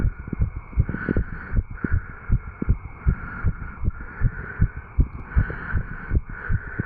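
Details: 35-year-old male after jogging, recorded at the tricuspid valve area: regular paired lub-dub heart sounds about 80 beats a minute with faint steady hum; normal heart sounds after exercise.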